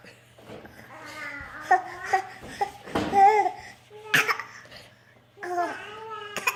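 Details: A small child's deliberately faked, playful coughs mixed with babbling and laughter; voluntary imitated cough, no sign of illness.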